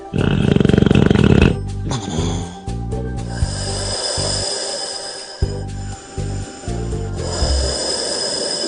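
Loud rattling snores with background music, typical snoring.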